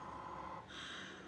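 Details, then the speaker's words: Air leak heard by stethoscope as an endotracheal tube cuff is deflated on a cuff manometer during minimal occluding volume/minimal leak technique; leak appears below 25–30 pressure, then air is re-added. "there i'm starting to get a leak right you can hear that leak so maybe add a little bit of air"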